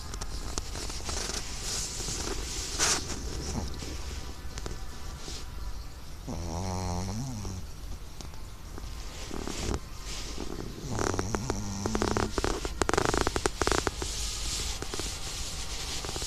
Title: Snoring Chihuahua